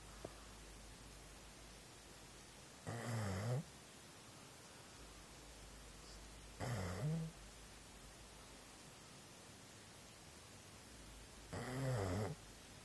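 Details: Sleeping dog: three loud, rough, rumbling snores spaced several seconds apart over a quiet background; snoring.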